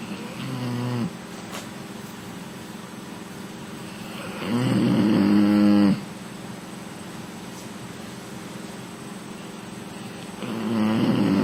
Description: My Female Bully V snoring on the lounge